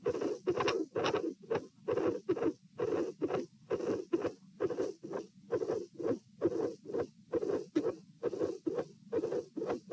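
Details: Heart sounds at pulmonary area, patient sitting, with dilated aortic root: uneven rhythm with early beats breaking the regular spacing, irregular rhythm with premature atrial and ventricular contractions (PACs and PVCs).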